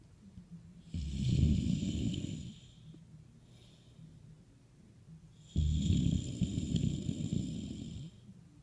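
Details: Voice-over (simulated) snoring for cartoon character Ruby sleeping: two long, rough, fluttering inspiratory snores a few seconds apart.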